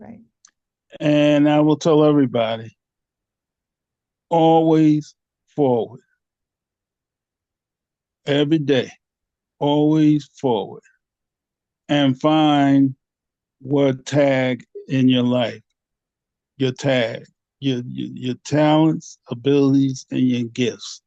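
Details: 67-year-old man with post-stroke aphasia for 9 years after two strokes (2015, 2016): he could not talk at first, needed 3 weeks to say a name and had speech therapy; repeats 'a, a' while word-searching; aphasia.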